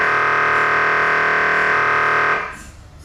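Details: MRI scanner gradient noise: a loud, steady electronic buzzing drone with rapid pulsing that cuts off after about two seconds.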